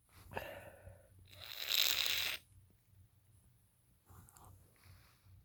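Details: Big sneeze from a male just over one cold and possibly coming down with another, feeling tickly all day: a drawn-in breath, then a loud, hissing explosive burst, then quiet.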